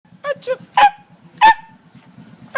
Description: this is my neighbor's sneezing dog when he gets excited to see me...